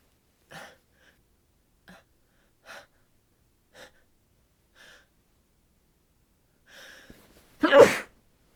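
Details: Tired adult under a down comforter sneezing softly and muffled at irregular intervals, ending in one louder sneeze. The nose is sensitive after a chilly, windy outdoor market, and they hope it is not a cold; repeated sneezing run.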